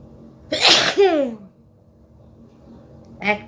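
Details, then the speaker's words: Adult woman doing a sneezing challenge, aiming for ten sneezes: a single loud, explosive sneeze with a brief voiced tail, followed by a short vocal sound; a normal sneeze. "চলো, কটা হাঁচি আমি দিতে পারি দেখো। 10টা তো বললাম তোমাদের।"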